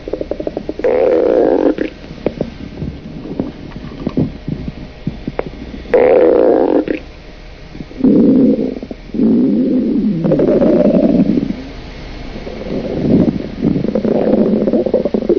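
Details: Stomach growling from an adult woman: loud, drawn-out gurgling and rumbling bowel sounds in repeated bursts; ordinary borborygmi.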